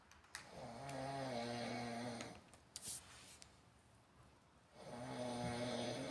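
Two loud, rough, vibrating snores on breathing in, separated by a quiet pause, recorded in a small room.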